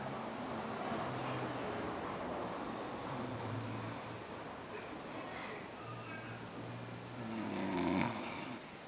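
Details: Snoring: low rumbling snores with each breath in, over steady room noise; ordinary snoring.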